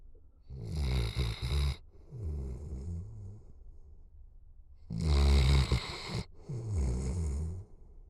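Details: Snoring from a sleeping dog after a 4-mile hike and a big meal: loud, rattling inhaled snores, each followed by a softer fluttering exhale, about 15 breaths a minute.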